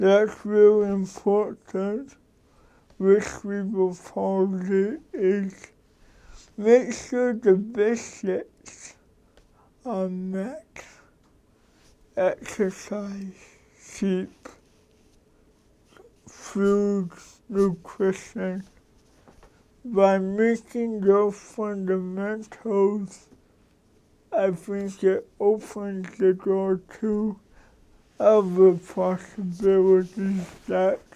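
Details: Adult man with cerebral palsy for 53 years, which he says came from damage to the brain and spinal cord; he says his speech differs from most people's and he adjusts it so others understand; dysarthria (cerebral palsy).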